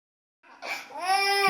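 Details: Infant crying: one rising, sustained wail that builds in loudness after a short quiet start; an ordinary infant cry.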